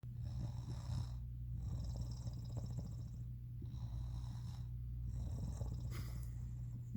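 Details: A sleeping adult woman (the wife) snores loudly: a deep, steady rumbling drone with rhythmic rasping breath phases repeating on each breath; snoring.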